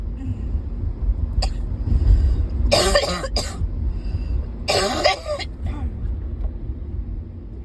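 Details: Persistent bad cough, still severe: two harsh, forceful coughing bouts preceded by a throat clear, over low traffic rumble.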